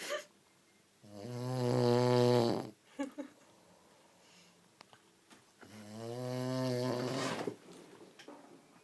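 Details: Adult man snoring "like a train": two long, loud, rumbling snores on the in-breath, each lasting over a second, with quiet pauses between them.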